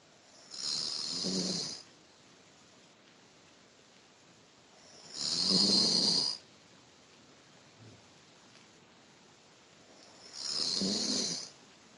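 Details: Sleeping person, sex questioned by the uploader, snoring: three loud rasping snores about five seconds apart, roughly 12 breaths a minute, with quiet pauses between.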